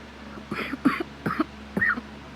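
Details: Cough in a sick person with asthma who smokes daily, caught illness from a sick child, chest occasionally feels on fire; cause unknown, possibly a cold: four short, harsh coughs in quick succession, faint room hum.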